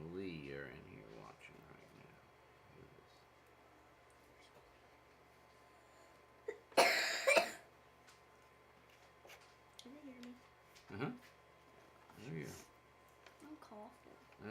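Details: A short burst of coughing from a young girl who is feeling unwell, in a quiet room with some soft talk around it; a plain child's cough.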